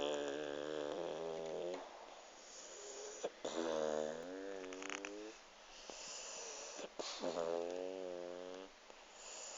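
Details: Pug snoring while sleeping on owner's lap: three long, rhythmic breaths with a whistling, whiny tone, about 17 a minute; snoring.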